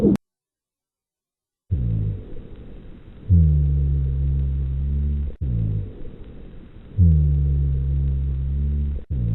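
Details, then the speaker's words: Rhonchi, continuous low-pitched breath sounds with sinusoidal waveform, usually 100–120 Hz (versus wheezes ≥300 Hz): low snoring continuous tones repeating with each breath, about 16 a minute, from airways narrowed by secretions. "wheezes and ronai have sinus sodal waveforms they are presented in this illustration although the exact frequency that divides wheezes and ronai is not known the frequency of ronai is usually 100 to 120 Herz wheezes have frequencies of 300 Herz or more"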